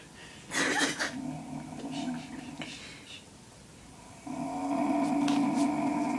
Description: My grandpa making the weirdest snoring noises ever.